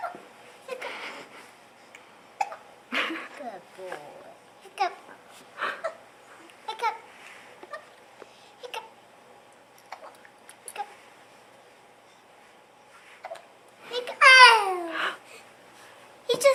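Repeated brief sharp catches of breath, each with a small voiced yelp, amid child babble and a short squeal near the end; hiccups.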